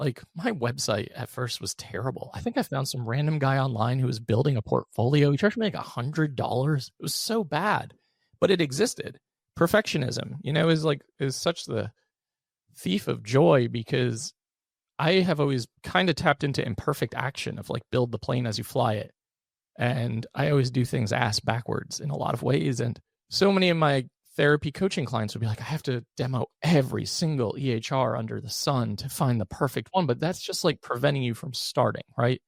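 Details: Adult male with vocal fry from unilateral vocal cord paralysis after open throat surgery in 2022 for a rare chronic recurring throat condition, following endoscopic surgery in 2021; voice improved but tires during the day; had extensive speech therapy.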